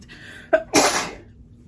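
A single adult sneeze: a short catch of breath, then a sharp explosive burst of air.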